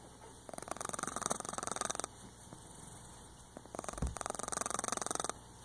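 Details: Dog snoring while half awake, half asleep: two bursts of fast fluttering, rattly breath noise with quiet gaps between.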